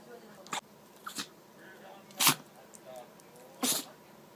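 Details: A Chihuahua gives four short, sharp nasal bursts with snuffling between them and keeps sneezing; the owner suspects fine particles got into its nose from sniffing the carpet; repeated sneezing.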